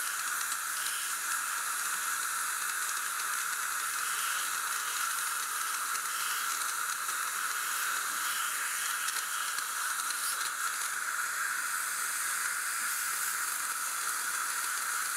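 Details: Steady high hiss and sizzle of an ultrasonic scaler spraying body-temperature warmed water during dental cleaning, for cold-sensitive teeth.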